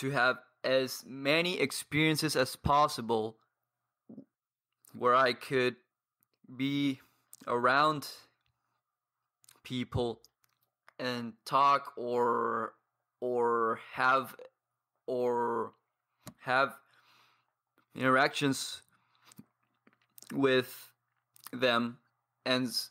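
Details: 22-year-old man who has stuttered for as long as he can remember, reporting blocks and difficulty speaking; surrounding speech contains pauses and blocks; stuttering.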